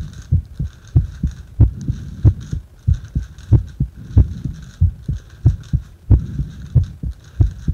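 Regular low thumping heartbeat at about 94 beats a minute, recorded during rebreathing into a paper bag.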